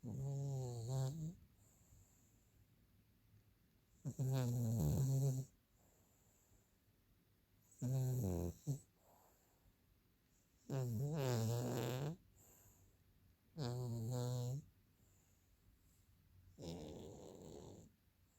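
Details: Regular deep, buzzing snores every three to four seconds, around 18 a minute, with quiet pauses between, from a sleeper in the laundry; steady snoring.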